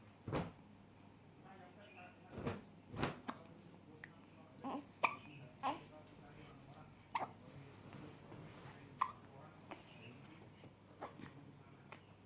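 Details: Infant with hiccups: short, sharp hiccup sounds repeating at uneven intervals over soft room noise.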